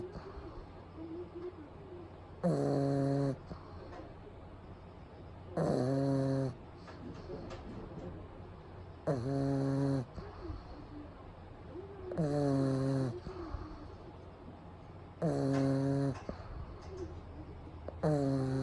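Loud, regular rattling snores about every three seconds, roughly 19 a minute, from a sleeping small flat-faced dog.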